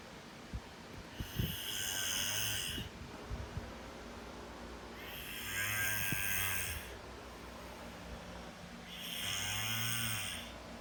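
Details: Three loud, rasping snores with quieter breathing between them, about 16 breaths a minute, against steady room noise; snoring.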